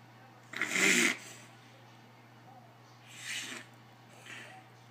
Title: Reverse sneeze in 11 year old greyhound